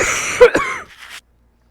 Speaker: I'm going to stop because I can't stop coughing. It's my allergies.